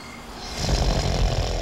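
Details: Snoring in a sleeping adult, from a dental office consult on snoring and sleep apnea: a low, rumbling, rattling breath sound that builds and holds through the in-breath.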